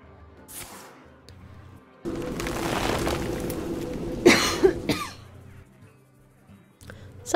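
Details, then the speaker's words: Adult who is quitting smoking gives two short, harsh coughs over background game music. Described as the nasty cough that comes with quitting smoking. "about the coughs if you can hear them. I'm quitting smoking."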